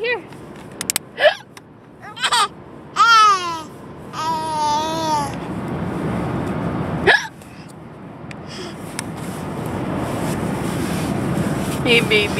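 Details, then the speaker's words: An adult mother's sharp, abrupt hiccups while riding in a car, with an infant babbling and laughing at them over road noise; ordinary hiccups. "You think mommy's hiccups are funny?"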